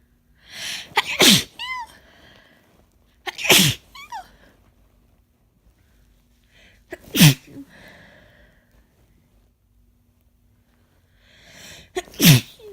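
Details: Four induced sneezes during a cold, with a constant tickle deep in the nose and a lost voice; each a sharp inhaled build-up then a forceful, messy burst, with quiet pauses between.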